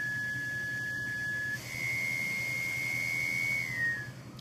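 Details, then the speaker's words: Hamilton ventilator pre-op check, flow sensor test: steady high whistling tone shifting slightly in pitch as the circuit pressurizes; circuit pressurization tone. "sor again you take the white piece out and again it'll pressure through and it'll it'll it'll check your flow here in a minute it'll pressure back up"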